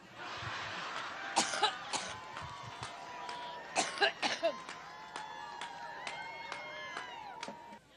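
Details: Several short, sharp coughs from a woman, a stubborn cough she battled while speaking at a microphone at her Labor Day rally in Cleveland, Ohio, with crowd noise and whistles behind.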